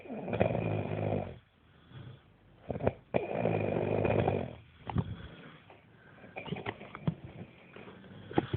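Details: Two people snoring: loud rattling snores, each about a second long, alternating with quiet exhalations and soft room noise.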